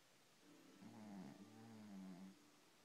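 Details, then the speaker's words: Snoring: a single low, drawn-out rumbling breath with a faint tonal buzz, rising and fading over about two seconds, likely a sleeping dog. "Vida, Vida, are you snoring?"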